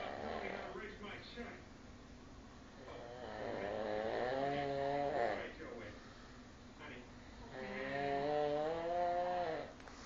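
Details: Slow, loud, buzzing snores with a musical edge, about two every ten seconds, during sleep; snoring.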